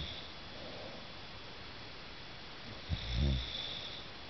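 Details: Adult man asleep, recorded 12/19/2008: quiet breathing, then a single low, rattling snore near the end, with faint room hiss throughout; snoring.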